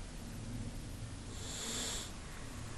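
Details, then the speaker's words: Adult man, long-time loud snorer with recent weight gain, during sleep: low rough snoring rumble with a brief hissing breath; obstructive sleep apnea. "but soon afterwards robert's breathing once again becomes obstructed first partially but then completely robert soon enters yet another period of apnea this time lasting 35 seconds"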